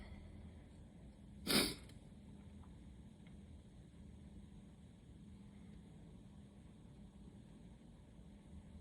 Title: Waves of allergy sneezes